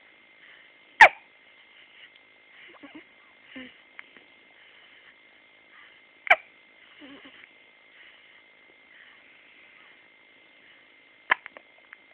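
Three sharp, brief hiccup sounds several seconds apart over a steady background hum, with faint soft sounds between them.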